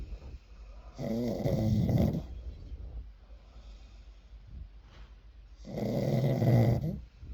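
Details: Sleeping pug dog snoring: two loud, rattling snores on the in-breath with quieter breathing between; snoring.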